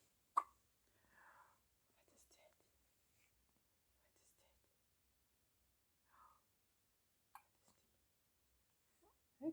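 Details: Amelia hiccuping and stretching in a quiet room with soft whispering; a few sudden, sharp little catches of breath stand out; hiccups.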